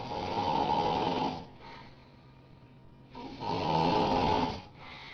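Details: Woman snoring very loudly while asleep: two loud, long, rattling snores with quieter exhalations between them; heavy snoring.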